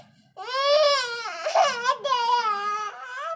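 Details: Young child crying: loud, tonal, wailing cry in two drawn-out bursts with a brief catch between them; ordinary crying.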